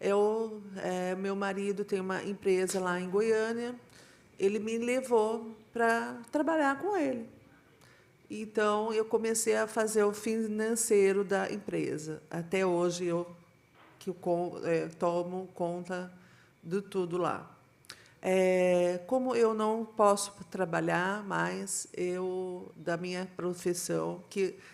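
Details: Aphasia in a female teacher after an ischemic stroke in 2015. She was unable to speak for 2 years while still understanding everything, has had years of speech therapy, and still has aphasia.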